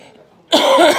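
One loud, harsh cough after a quiet moment, in an adult recovering from pneumonia with a partly collapsed lung.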